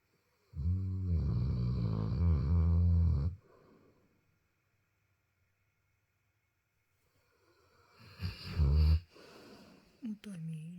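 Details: Cane Corso dog snoring on a sofa in evening sleep after running outside: a deep, rumbling snore on a long breath, a quiet pause, then another snort and snore; ordinary sleep snoring.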